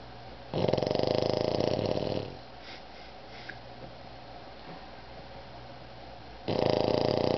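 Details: Pug named Otis snoring: loud, harsh, rattling snores on the in-breath, each lasting over a second, with quiet pauses between breaths.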